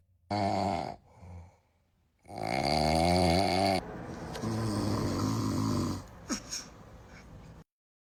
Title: Baby’s scared of dad’s snoring🤣 #tiktok #baby #cute #funny #foryou #babyvideos